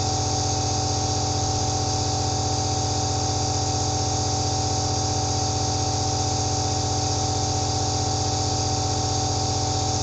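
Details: Running aerosol nebulizer recorded from a first-person perspective for ASMR relaxation: a steady mechanical compressor hum with a fast, rhythmic pulsing buzz throughout.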